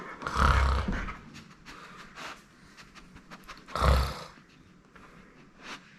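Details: Adult imitating snoring while a German Shepherd reacts: two loud, rumbling, snort-like snores about four seconds apart, with soft dog sounds and room noise between them; imitated snoring.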